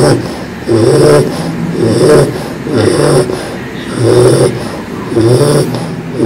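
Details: English Bulldog puppy, 4 months old, sleeping: loud, rough, rhythmic snoring and snorting about one breath a second with a whistling edge; noisy breathing in a flat-faced breed known for snoring due to airway and chest build.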